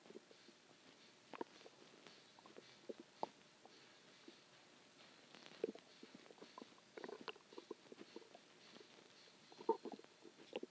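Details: Stomach growling a few hours after a huge meal (cheeseburger, fries, eggs, onion rings, cheese stick, chicken tenders): quiet irregular gurgles and bubbling clicks over faint hiss; borborygmi.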